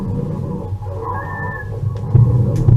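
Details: Virtual simulator, child with suspected acute bronchiolitis, lower front chest: harsh, rumbling breath sounds with a brief high whistling wheeze and scattered crackles.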